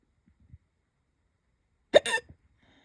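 A faint catch, then one sharp, voiced 'hic' after a pause in a quiet room; a single hiccup.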